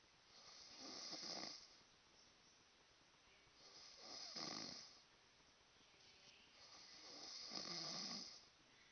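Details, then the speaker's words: Heavy snoring in a sleeping adult man: three loud, harsh rattling snores on inhalation, roughly 19 per minute, separated by quieter exhalations. "Do you hear that? That's him snoring. I can't go to sleep unless this guy, like, I can't sleep unless this guy is, like, in another house."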